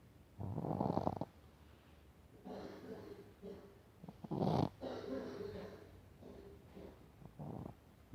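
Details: Shih Tzu dog snoring with irregular rumbling, buzzing snores and snorting bursts; owner says he sometimes snores until choking and short of breath, depending on sleeping position or after drinking water too fast.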